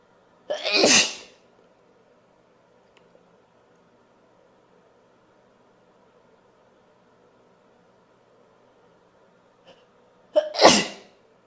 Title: Powerful sneezing (F)